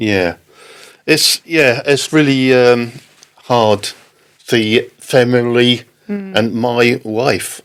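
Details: Adult man left with aphasia after a stroke in October 2019, recounting an experience with halting, non-fluent speech: non-fluent aphasia.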